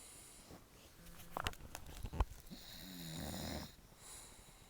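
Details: A sleeping dog snoring loudly, a snorting intake followed by a rattling, buzzing snore; ordinary snoring.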